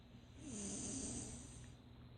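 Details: Brief snoring: a single rattling, hissy breath over steady background hiss.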